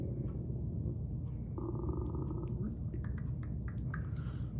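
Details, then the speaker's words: Stethoscope on patient's right upper quadrant during head-to-toe assessment: a few soft imitated clicks over a steady low rumble; normal bowel sounds. "i'll start in the uh patient's right upper quadrant and i'll listen if i hear a few gurgles like clicks like that you know"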